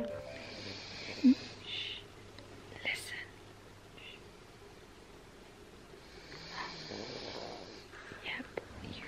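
Two soft, breathy, rasping breaths about five seconds apart, heard as quiet snoring from a sleeping adult over faint room noise.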